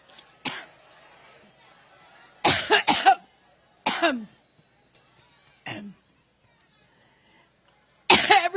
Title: Witch coughing up lizard goo